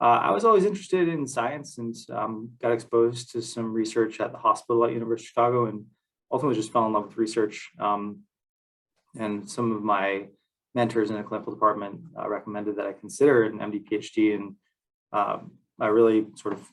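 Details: Adult man; typical voice.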